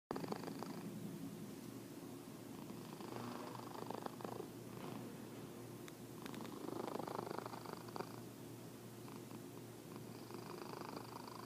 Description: Tuen up your audio to hear this fat orange tabby snoring/purring.